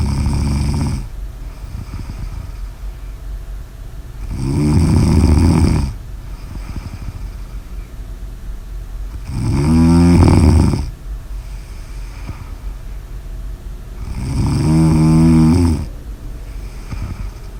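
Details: Snoring during sleep: four loud, low, rattling snores about 5 seconds apart, roughly 12 breaths a minute, with quiet exhales between.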